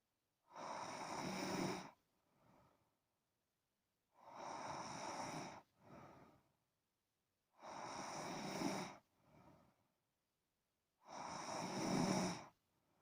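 Regular loud, rough snores on each breath in, about 17 a minute, each followed by a softer breath out: snoring in a sleeping child.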